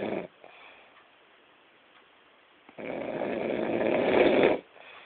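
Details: Dog snoring loudly: a short snort, then after a quieter stretch a long, rough, rumbling breath sound.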